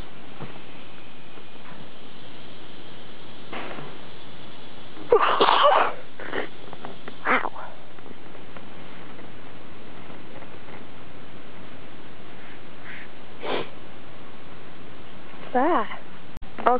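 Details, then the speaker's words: Deliberately stifled sneezes recorded outdoors among mosquitoes: several short, muffled sneeze bursts and sniffs held back with mouth closed, over a steady outdoor hiss. "these mosquitoes are just all over me get away you darn little beasties they're really hard to stifle now"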